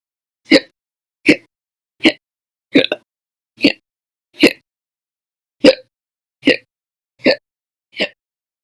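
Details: Slow hiccups recorded during July 2020: ten sharp, brief hiccup sounds in quiet, under a second apart, about 75 a minute; hiccups.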